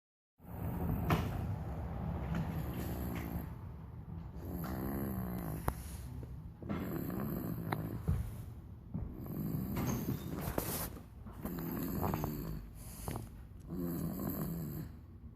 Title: Snoring 3 months old